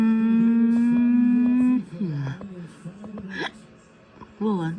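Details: Cartoon hiccups, not real: character Lola in a Thomas & Friends animation, after drinking lemonade too fast, gives a held musical tone, then several short abrupt hic sounds with voiced yelps over background music.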